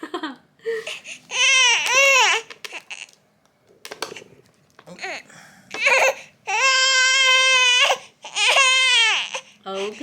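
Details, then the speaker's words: Baby girl during tummy time in front of a mirror, unhappy: loud, sustained crying in repeated wails with short gasping pauses; ordinary fussing infant cry. "uh-oh she's getting mad she hate it i hate tummy night time time"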